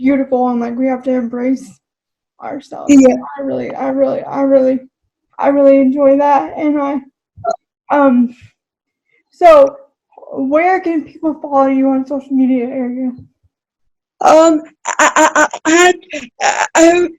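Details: Adult woman with cerebral palsy who describes herself as spastic, speaking in a real, unacted podcast interview: dysarthria (cerebral palsy).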